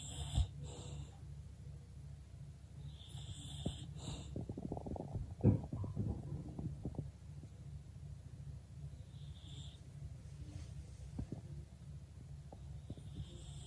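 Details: Female English Bulldog snoring at rest: soft, low rumbling breaths with a few snorts and faint wheezy notes over a steady room hum.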